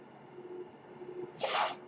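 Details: Speaker's own mechanical ventilator heard while he talks on a podcast: one breath cycle delivered by the ventilator.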